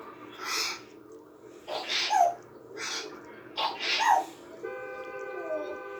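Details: African grey parrot imitating sneezing: several short sneeze-like bursts at irregular intervals, not a real sneeze, followed by faint whistling.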